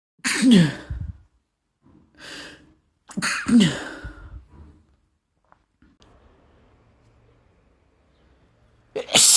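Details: Male with a cold sneezing, in random and induced sneezes that become progressively louder and stronger; two loud, explosive voiced sneezes each preceded by a sharp intake, quiet breathing, then another sneeze starting.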